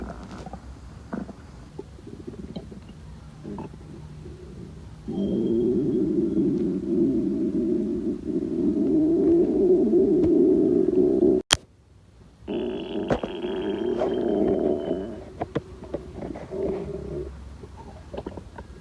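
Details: Long, loud, rumbling stomach growls lasting several seconds, broken by a brief pause: stomach growling (borborygmi) from gut movement.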